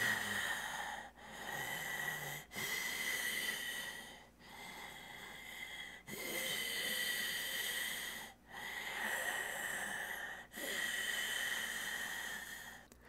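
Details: Slow, regular, rough breaths with a raspy, hissing edge, about five breaths a minute, recorded close to a USB microphone during a humorous microphone test.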